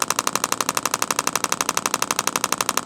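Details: Rapid, regular sharp clicking pulses, about ten a second, from an Intelect RPW 2 radial shockwave handpiece on a patient's trigger point focal spot; radial shockwave therapy device pulsing.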